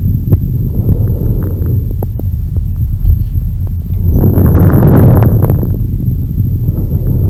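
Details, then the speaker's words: Fine crackles on lung auscultation: brief explosive sounds from airways opening and closing, especially at the end of respiration. "a acreditação fina nada mais é do que esse som de explorar né então todos os sons decretação ele vem dessa pensa característica explosiva no caso da captação fina ela é indica abertura e fechamento das vias aéreas especialmente quando ela acontece no final da respiração"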